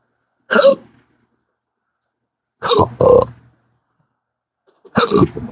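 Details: Occasional belching (three short voiced throat sounds, about 24 a minute) during persistent hiccups that come in daily 12-hour episodes, a rare condition present since December 2015 after a surgery that left multiple nerve damage.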